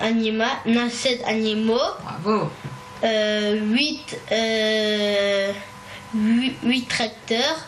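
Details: 9-year-old boy in a speech therapy session, with small stuttering blocks mostly at the start that he corrects himself; stuttering.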